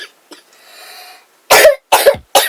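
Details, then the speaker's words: Cough attack in an adult who is unwell, with the throat sounding like gargling. "Cough attack. My throat is just like, I sound like I'm gargling something."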